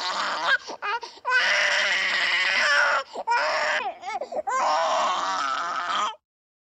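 An infant cries in loud, drawn-out wails broken by short gasping breaths and fussy whimpers.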